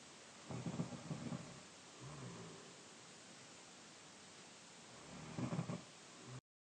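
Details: 15-year-old boy, 5'10", 156 lb, snoring during overnight sleep: two low, rumbling snores about five seconds apart, with quiet breathing and faint room noise between them.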